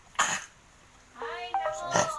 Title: Dog cough!? Any home remedies